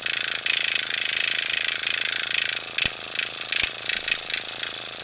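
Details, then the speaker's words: Motorized microneedling pen used by a woman on her own face, repeated about every six weeks per her dermatologist; steady high-pitched buzzing with small pitch shifts as it moves over the skin. "you do this intense Terminator machine every four to six weeks actually my dermatologist said every six weeks"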